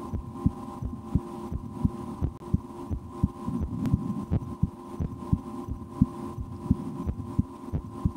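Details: Adult's own heartbeat through a stethoscope in an ASMR recording, with breath-holding and a game to speed the rate, and loud digestion after lunch; steady beats about 87/min with a faint hum; normal heart sounds.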